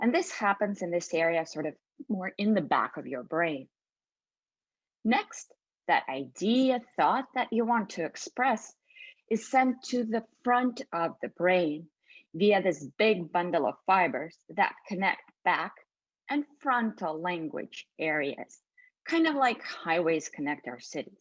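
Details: Adult woman; normal speech.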